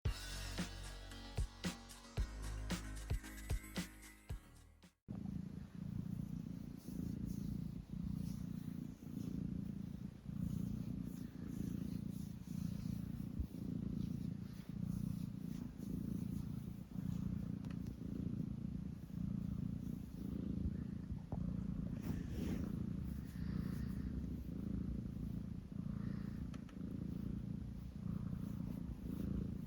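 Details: A relaxed cat makes a steady, low, rhythmic purring rumble after a short music intro; purring, snoring-like.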